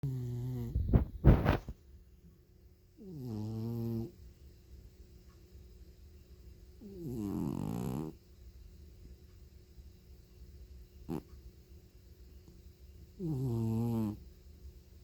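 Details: Loud, buzzing snores recurring every few seconds with quiet pauses between, from a sleeping feral cat. Snoring.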